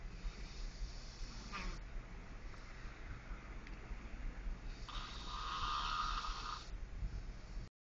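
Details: Low, rough, rattling snore from a sleeper with some room noise; ordinary snoring.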